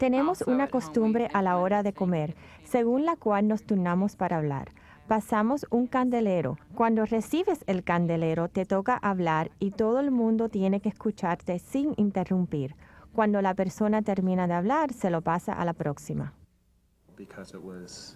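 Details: Adult woman speaking Spanish; typical speech.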